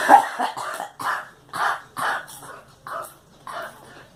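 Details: Girl coughing: a run of about seven short, dry coughs in quick succession.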